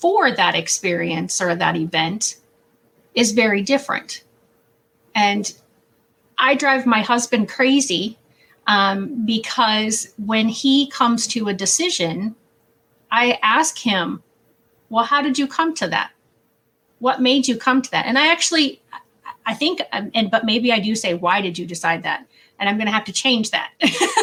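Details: Adult woman speaking; typical speech.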